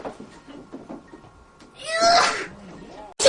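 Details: SNSD girl-group member sneezes on a TV show: a single sharp, explosive sneeze after background chatter, followed by laughter; sneeze.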